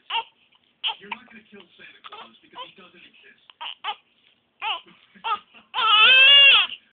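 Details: One-week-old infant with hiccups: short whimpers and fussing build into a brief full cry at the end; an ordinary infant cry.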